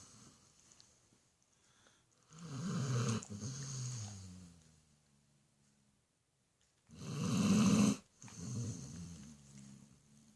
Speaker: This is the dog snoring. You can't see it in the video, but she snores loud.